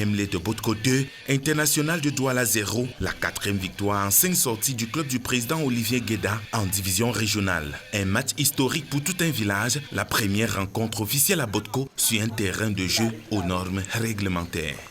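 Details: Adult male narrator; normal voice.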